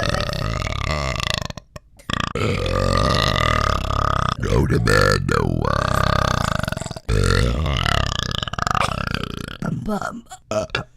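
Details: Repeated belching from an adult man (dad): a long run of loud, voiced belches with brief breaks between them.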